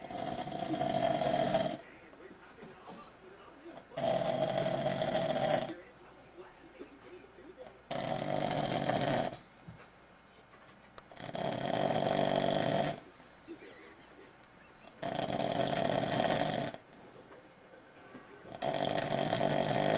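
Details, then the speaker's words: Adult man (dad) asleep: loud, regular snores about every three and a half seconds, roughly 17 a minute, with quieter breathing between; steady snoring. "Snoring so loud."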